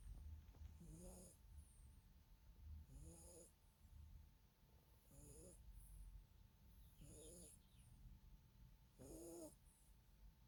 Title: Yorkie/Roney/snoring sleeping beauty